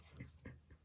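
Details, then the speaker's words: Soft, low snuffling snores in three quick rumbling bursts from a male dog sleeping indoors, against quiet room noise: dog snoring. "sorry if you can hear this noise of my dog snoring"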